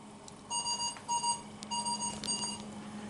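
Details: Mechanical ventilator high airway pressure alarm in a critical care training session on troubleshooting: repeating bursts of high electronic beeping over a steady hum.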